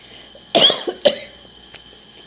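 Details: Adult woman with a hoarse voice who has been tired and napping all day gives two quick coughs, then a short throat sound, in a quiet room.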